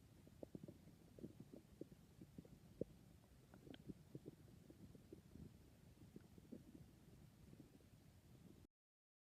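Quiet, low gurgling and bubbling rumbles with scattered squelches: ordinary bowel sounds, a normal stomach growl.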